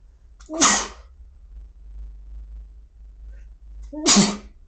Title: Inducing Sneezes (M)